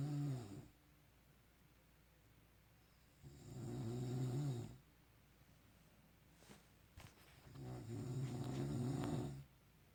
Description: This is my archived reuploaded private compilation video of my Dad snoring like a funny elephant at night while sleeping in 2019.